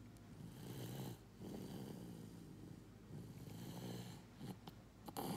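Repeated low, fluttering, rattling breaths, about four in five seconds, in a quiet room; ordinary snoring during sleep.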